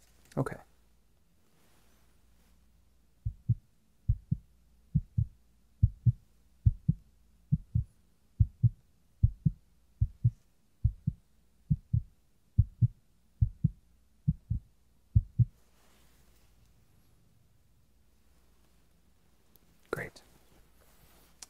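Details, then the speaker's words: Normal heart sounds heard by stethoscope in a role-play (ASMR) doctor's exam: steady paired lub-dub beats at about 70 a minute, no extra sounds. "Excellent. Your heart sounds totally normal."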